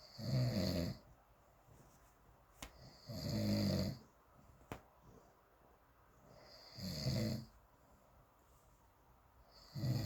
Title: Snoring monster